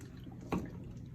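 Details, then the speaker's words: Neonatal bubble CPAP, 8 L/min, heated to 37 degrees: a single soft watery bubble pop over quiet room noise; bubble CPAP bubbling. "And this is called Cpap, bubble positive airway pressure. It's just a column."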